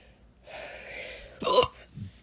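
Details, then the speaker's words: Young person's fourth bout of hiccups that day, crying about it; doctor said it would be fine after puberty. A breathy intake followed by one sharp, abrupt vocal gulp: a single hiccup. "you know this is the fourth time I've had hiccups today and I'm crying about it because but it's not that fun my doctor really said"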